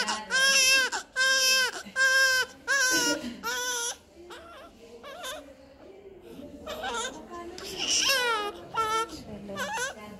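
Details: Rhythmic, high-pitched crying in repeated wails with some whimpering and faint music behind, from a newborn; a normal newborn cry.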